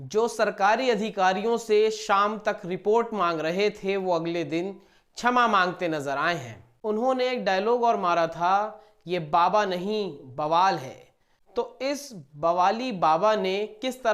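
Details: Adult news narrator; ordinary speech.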